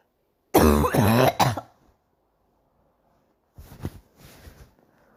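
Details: Morning cough: a loud burst of three harsh coughs, then quieter throat-clearing coughs after a pause.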